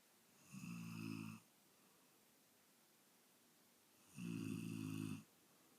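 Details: An adult man snoring loudly: two loud rattling snores about three and a half seconds apart, quiet in between; snoring.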